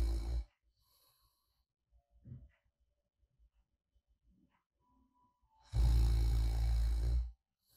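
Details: Light snoring in deep sleep, one loud rough snore with quiet breathing before it; recorded as sleep ASMR; light snoring.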